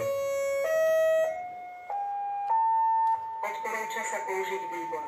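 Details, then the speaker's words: Training AED in a first-aid course demo on an unresponsive, non-breathing patient: after electrode placement and ECG analysis, rising steady electronic tones then a warbling alert advising a shock and prompting the rescuer to press the shock button. "ten prístroj N robil EKG krivku zistil že je potrebné defilovať tlačidlo a povie mi a zase mi to píše a ukazuje odporúča sa treba spraviť"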